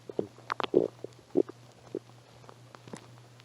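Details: Irregular gurgles and squeaky bubbling bursts over a low hum, recorded on a phone from a person with a cold who had eaten nothing all day; stomach growling, borborygmi.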